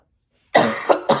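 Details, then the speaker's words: After brief silence, an adult gives a short run of three acted coughs in quick succession. "can you stop coughing for a second what do you mean stop coughing it's not controllable"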